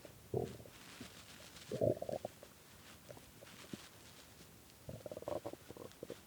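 Several bursts of low gurgling and rumbling with quiet gaps between them; hunger stomach growling, a normal sound of an empty gut.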